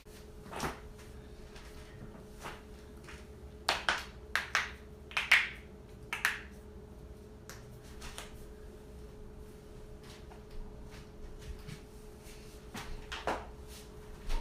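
A series of sharp pops and clicks from cracking joints, loudest in a quick cluster midway through.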